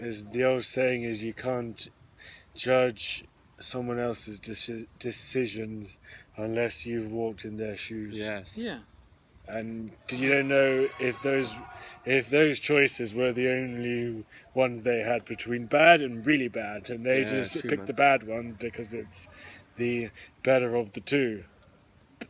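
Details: Adult who stammers: stuttering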